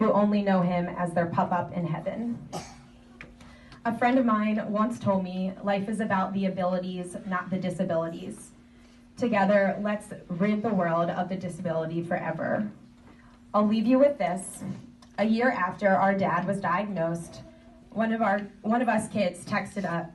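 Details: Adult speaker, likely female, addressing an audience; typical speech.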